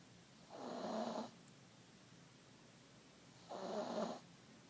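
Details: Sleeping cat with two soft, rasping snores a few seconds apart; ordinary snoring in sleep.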